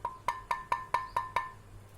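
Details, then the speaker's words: Seven quick hollow tapping knocks with a ringing tone: an imitation of the cracked pot sound on percussing the upper teeth, a clinical feature of Le Fort II midface fracture. "So the cracking pot sound will be heard like this. There will be a cracking in the voice."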